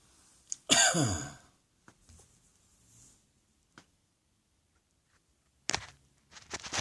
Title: Cross Dressing Coughing 67